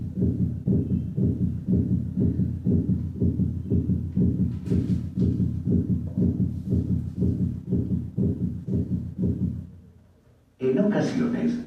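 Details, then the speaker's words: Veterinary cardiology auscultation teaching recording through the stethoscope bell at 120 beats per minute: rapid, regular, low heart thumps, a fast heart rate. "para ello la campana del estetoscopio primero a 60 latidos por [Música] y ahora a 120 latinos por minuto"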